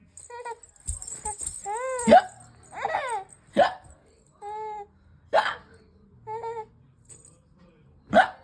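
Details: Six-month-old baby with hiccups: sharp hiccups recur through the clip, each followed by the baby's giggles, laughter and squeals; hiccups in a content infant.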